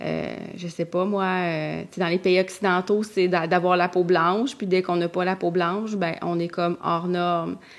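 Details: Adult woman speaking French; no speech disorder.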